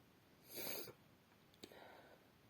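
One loud, explosive sneeze, muffled as if into a handkerchief, followed by a short sniff: a single sneeze.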